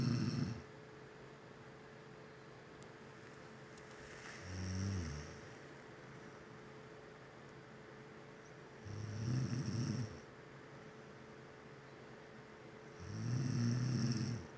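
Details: Woman snoring: low, rumbling snores roughly every four seconds, about four in the clip, over a steady background hum.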